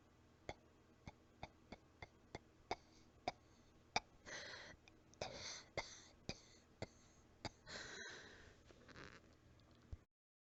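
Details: Cat coughing softly and weakly: faint repeated coughs with short breathy bursts between, sounding a little out of breath.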